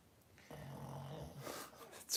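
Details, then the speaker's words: A sleeping pug, which often sleeps with eyes open, gives a low, rough, rattling snore with a steady buzzing tone. "you mean find out more you can hear the punk snoring now"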